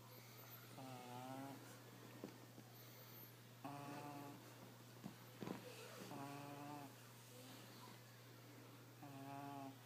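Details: Puppy pug snoring: four soft, whistling snore sounds about every two to three seconds over a steady low hum; a sleeping puppy snoring.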